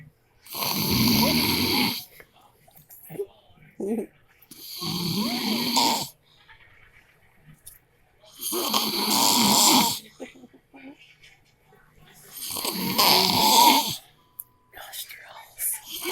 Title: My husband snores so loud pt 5